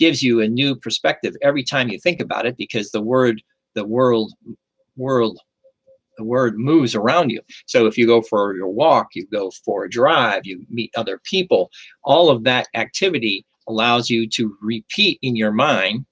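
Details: Aphasia with word-finding difficulty after a stroke, in a stroke survivor who has continued speech therapy.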